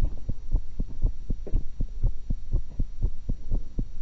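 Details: Regular low heartbeat thumps at about 120 a minute, recorded through one stethoscope while eating after an apple and a cucumber, with a steady hum behind; fast but ordinary-sounding normal heart sounds.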